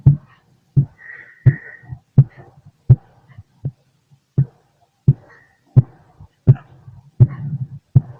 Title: The sound inside my body (heart & stomach) #auscultation #heartbeat #stomachgrowling #stomach #heart